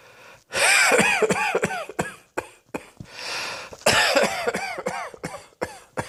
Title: Cross Dressing Coughing 115